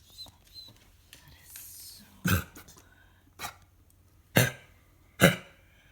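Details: Dog (Coco) coughing on request: four sharp, harsh cough bursts about a second apart after quieter snuffling, in a small quiet room; repeated canine cough.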